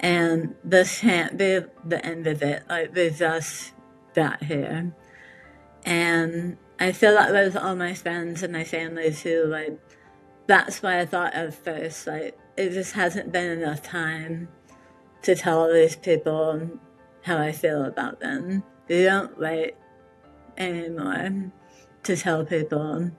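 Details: Articulation impairment after partial glossectomy in an adult woman with metastatic tongue squamous cell carcinoma; 70% of tongue removed from right side, reconstructed with back tissue, plus neck dissection, radiation and chemotherapy; speech relearned with speech therapy.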